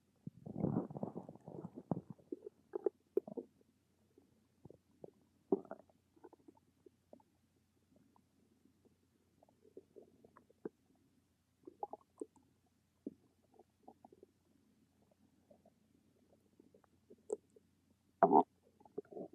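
Soft, scattered gurgles and bubbly clicks with a longer rumble at the start and a louder gurgle near the end: ordinary stomach rumbling.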